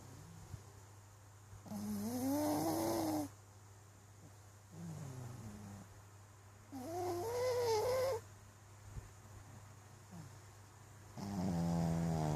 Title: Pug snores